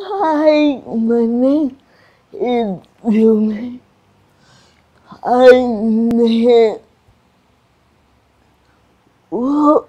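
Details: Adult woman with cerebral palsy and restricted movements; dysarthria (cerebral palsy).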